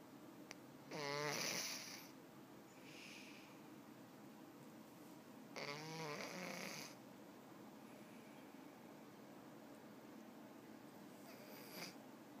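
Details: Snoring in a cat described as sick: two rattling snores about five seconds apart, each with a fluttering vibration, about 13 a minute, over quiet room noise.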